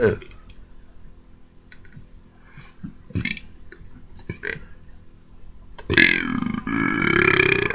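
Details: Person making a burp video brings up several short throaty burps, then a long, loud, rumbling belch near the end; burping, air brought up from the stomach.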